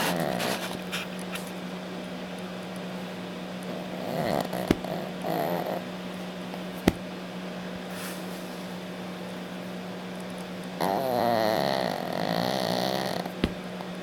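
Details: Snoring: two rough, fluttering breathing noises over a steady room hum with a few sharp clicks while the sleeper is deeply asleep.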